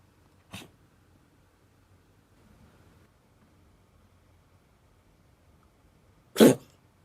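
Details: Cat, described as in pain with a strange, painful cough, gives two short, sharp bursts several seconds apart, the second louder, with quiet room sound between. Cough.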